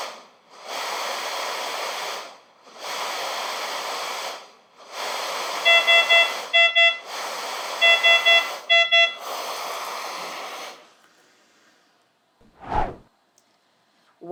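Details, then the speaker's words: Luisa portable home ventilator with breathing circuit deliberately disconnected: pressure rising and falling in the airflow, then repeated beeping alarm tones, the low expiratory pressure alarm. "it'll take a little bit of time for the machine to recognize that the circuit has been disconnected and then you'll hear the alarm as well as see the visual"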